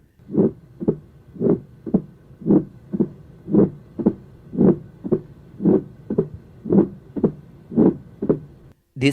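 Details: Late diastolic (presystolic) murmur: regular heartbeat near 57 a minute with a rumbling murmur just before the first sound.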